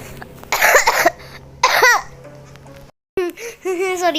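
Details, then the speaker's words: Child who says she is sick but improving, coughing repeatedly while playing a game: two harsh coughing bursts followed by brief speech; cough. "banget guys, aku batuk."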